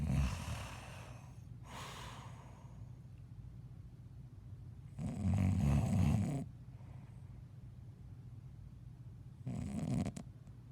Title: Meme snoring